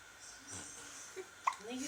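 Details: Hiccups from a newborn baby girl.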